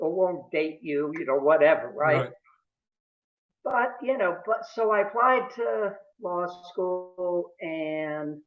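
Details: Adult male who has stuttered since about age 2 or 3, with family history of stuttering in father and brother; stuttering.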